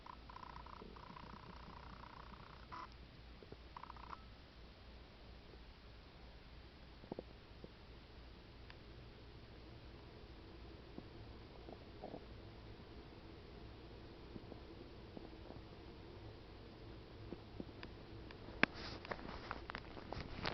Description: The Stomach Noise is Caused by Stomach Ulcer